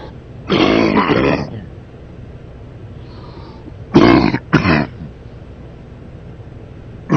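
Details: Man coughing during sleep: one long, rough voiced cough burst, then two short ones a few seconds later, over quiet room noise; repeated coughing during sleep.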